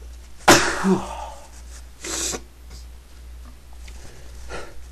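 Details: A sharp sneeze while trying to stay quiet, then a second breathy burst and a soft exhale over a steady low hum.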